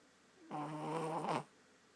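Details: Snoring: one short, buzzing, voiced snore about a second long in a quiet room; an ordinary snore.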